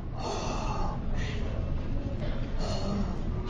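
Imitated bronchial breathing: harsh, hollow, blowing breath sounds with a pause between breathing in and out.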